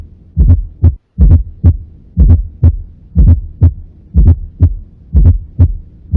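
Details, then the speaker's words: Fourth heart sound (S4): slow heartbeat near 60 a minute with an extra low late-diastolic sound just before S1, from atrial contraction into a stiff ventricle; S2 intact with normal intensity. "ese es el cuarto ruido normalmente se produce por consecuencia de una de 1 de un choque o de un como consecuencia de la contracción auricular"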